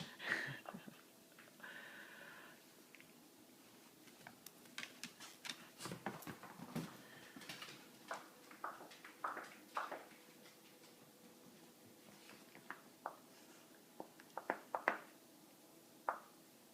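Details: Dog named Coco gives a run of short, sharp, snorting coughs in a small quiet room; cough.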